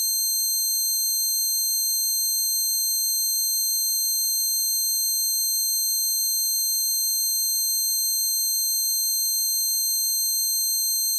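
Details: Continuous high-pitched ringing of layered tones with faint pulsing; self-made simulation of the person's own tinnitus, acquired after standing by the amp at a concert.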